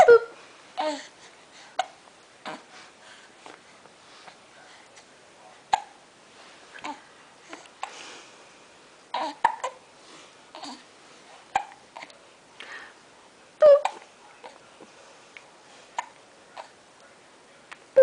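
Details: Hiccups from a 6-week-3-day-old baby boy: repeated short, sharp hiccups about every second with soft baby sounds between.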